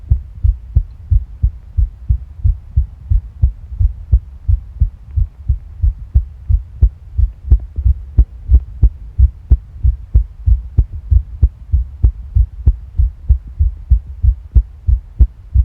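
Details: Steady low lub-dub heartbeats at about 90 a minute heard together with a soft low rumble from the stomach; heart sounds recorded alongside stomach sounds.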